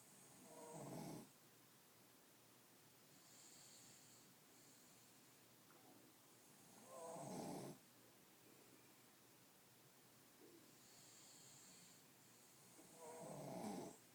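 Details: Snoring in a sleeping dog, Scout, described as normal snoring: three slow, rasping snores, roughly one every six seconds, with quiet breathing between.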